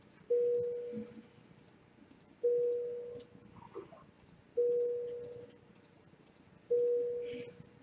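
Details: Patient monitor alarm in a simulation lab, with simulator or standardized-patient vitals shown on a real monitor; the simulated patient is breathless, and an inhaler is given.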